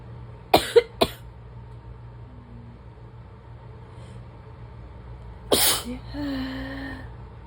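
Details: Morning sneezes with a barking asthma-like cough from an adult who has just woken in early fall; seasonal trigger suspected (ragweed season); a cat snores nearby.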